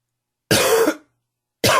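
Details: Smoker whose coughing is worsened by humid weather and heavy smoking: one harsh, loud cough, then the start of another; smoker's cough.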